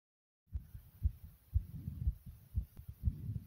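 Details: Own heartbeat: soft, regular low thumps at about 120 beats a minute, a steady pounding heartbeat.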